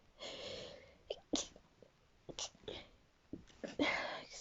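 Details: Adult having a sneezing fit: forceful sneezes with short breathy sounds between the bursts, saying "excuse me" while talking.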